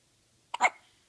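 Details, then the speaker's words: A single short, sharp, squeaky spasm-like sound from a cat with hiccups; hiccups. "who's got the hiccups yeah what you have the hiccups yeah your hicups"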